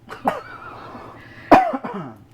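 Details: A person coughs briefly while mustard seeds toast and pop in a skillet; a cough.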